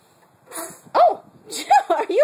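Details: Young child sneezing repeatedly after smelling Texas Sage flowers outdoors, allergy to flowers wondered: a few quick, voiced sneezes in a row, each a sharp breathy burst.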